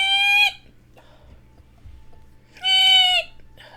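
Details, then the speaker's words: Two brief, high-pitched squeaky vocal bursts a few seconds apart: a streamer's recurring vocal tic, possibly stress-related, varying in pitch, volume and length, often mistaken for hiccups. "and I know it looks fake but a lot of times when people hear it they're like have you got the hiccups like nah it's my tick my hiccups are high pitched too but they sound totally different"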